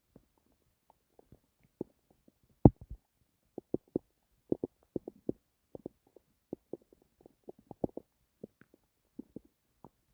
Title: I was trying to sleepbut my stomach had plans of its ownkept making noises so I decided to record it